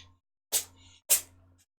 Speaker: Don't know if you could hear that. My cat was sneezing in the background.